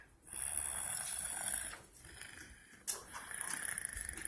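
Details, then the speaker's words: Imitated snoring by a young boy with autism and developmental delays, lying on his pillow pretending to sleep: playful fake rough fluttering snores through nose and throat, copying his father's snoring. "you snoring did you learn that from dad dad Dennis snore"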